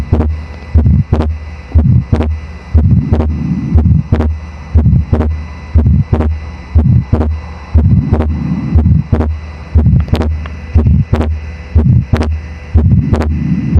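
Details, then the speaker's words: Simulator, about 60 beats a minute: small crescendo-decrescendo midsystolic murmur, then S2 split into two close parts with the same gap regardless of breathing, a fixed split second heart sound. "y ahí escucharán el segundo ruido desdoblado, que tiene el mismo grado de separación, no importa si el paciente inspira o expira."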